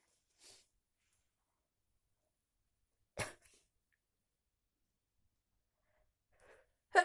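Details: Two sudden, explosive sneezes separated by quiet, with faint breaths before them, from a person with a bad cold.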